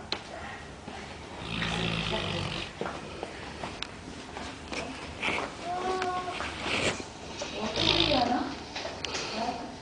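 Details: A friend's dog snoring while asleep: repeated rough snorting breaths, with several loud snores over about ten seconds.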